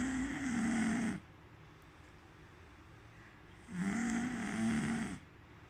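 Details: Person snoring, attributed to eating chocolates: two loud, buzzing snores on the in-breath, roughly 1.5 seconds each, separated by quiet; ordinary snoring.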